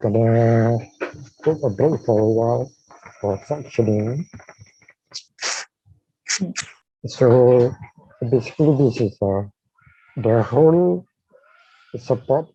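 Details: Dysarthria in a man with amyotrophic lateral sclerosis, diagnosed in 2018, with a tracheostomy placed in late September of the previous year.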